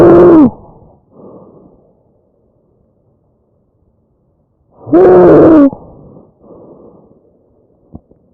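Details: Tracheal stridor from a real patient: two loud, high-pitched musical crowing breaths, then softer airflow.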